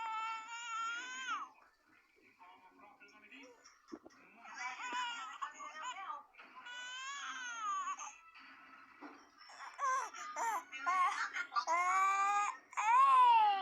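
Repeated rising and falling wails of a baby cry, with gaps and faint background music; an infant crying.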